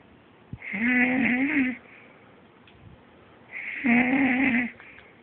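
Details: Medium to medium-loud snoring, usually quieter and occasionally worse; two moderately loud, buzzing inspiratory snores about three seconds apart with quiet pauses; snoring.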